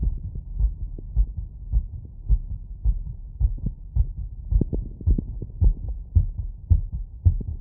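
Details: Wireless stethoscope auscultation after running, over valve areas (pulmonic, aortic, Erb's point): regular strong low thumps about 110 beats a minute, quickened heartbeat, faint low hum behind.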